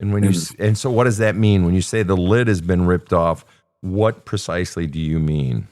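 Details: Adult male speaker; Normal fluent speech.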